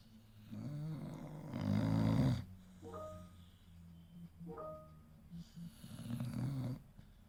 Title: Believe it or no but it's Hector the American Bully, snoring 😴😴 like a hooman! 😂😂🤩